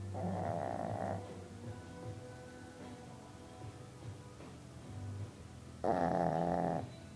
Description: Cupcake snoring